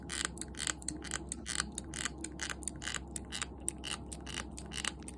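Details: Four-month-old toy poodle puppy grinding its teeth (bruxism), which has become more frequent: rapid, irregular scraping and clicking over a low hum.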